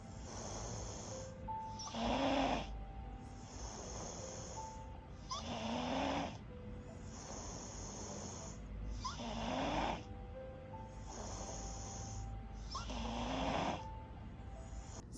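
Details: Young girl seen at a new-patient consult, filmed asleep by her parent: loud, harsh snoring at about 16 breaths a minute with strained, effortful labored breathing.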